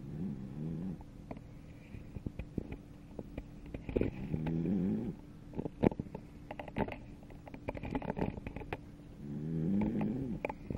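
Soft rhythmic snoring from a sleeping cat, three long breaths with quiet ticking noises between them; ordinary snoring.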